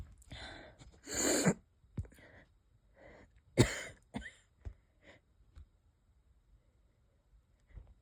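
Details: Light wheezy coughs and throat sounds with a couple of stifled sneezes in a quiet room, from a person unsure whether they are catching a cold or having an asthma flare-up; wheezy cough.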